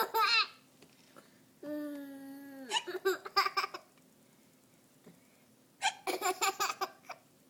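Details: Young child giggling in bursts, with a few brief, sharp hiccup sounds between the laughs: hiccups.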